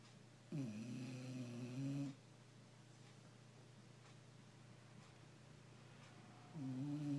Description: This is my dog. Snoring like a old man